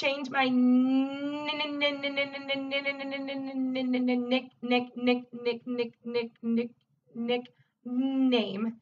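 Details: Adult woman who stutters asking Siri to change her nickname with repeated part-word repetitions of "nick"; stuttering.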